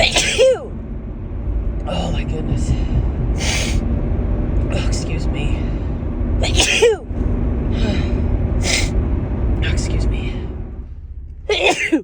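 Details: Three sneezes spread over several seconds, with breathy sounds between, over steady car rumble; a woman's repeated wet, large allergy sneezes in March, saying the car brings on instant sneezing.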